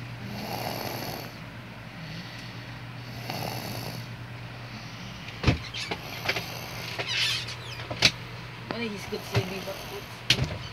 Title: Snoring @3yo